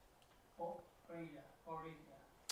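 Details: Spanish-speaking adult with aphasia, showing apraxia of speech during a naming task.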